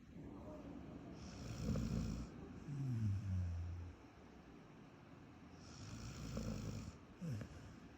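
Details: Rescue mixed-breed dog sleeping: low, rumbling snores on the in-breaths with a soft snort at the end; ordinary snoring.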